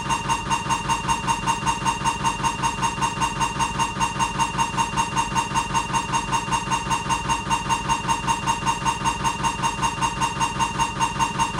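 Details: Siemens MAGNETOM Lumina 3 T MRI scanner during an abdominal exam: loud, steady, fast rhythmic buzzing knocks, about 150 a minute; diffusion-weighted sequence MRI scanner noise.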